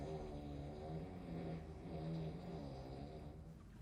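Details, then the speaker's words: Low, droning, rattly snoring rising and falling with sleep breaths, acted by an adult for a comedy skit rather than real sleep snoring. "Oh, well, I mean, do you think you could keep the snoring down a little bit tonight?"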